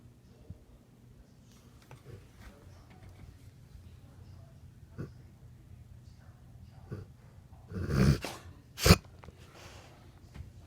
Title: Dog has to sneeze but can’t